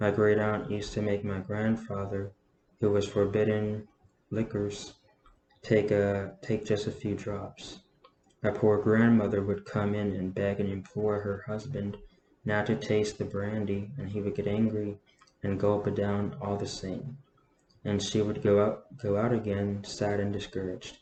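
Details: Adult man with a self-reported stutter reading a novel aloud, saying he normally stutters significantly less when reading; phrase repetitions heard. Stuttering.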